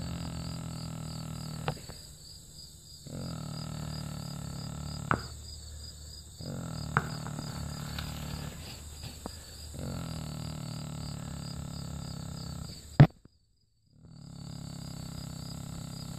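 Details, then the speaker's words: Low, rumbling snores about every three to four seconds from a tranquilized deer lying asleep, with insects chirping steadily in the background. "well for some of you never seen a deer snore uh we just tranquilized this deer"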